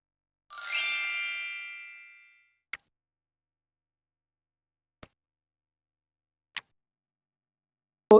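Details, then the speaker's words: A single bright electronic chime rings and fades, then a few faint clicks: a ward call bell handed to the patient in a simulated NMC OSCE pneumonia care scenario. "Here is the call bell should you need me before my arrival. Is that all right Janette?"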